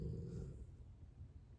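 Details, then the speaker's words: Brief, faint, low rumbling breath fading into quiet background rumble while four pets sleep nearby; snoring. "if you hear snoring in the background. All four are asleep. Do you hear that? They are asleep."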